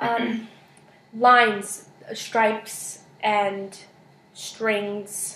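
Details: Wernicke's aphasia in a patient naming a picture card of everyday objects during a therapy session, producing unrelated words.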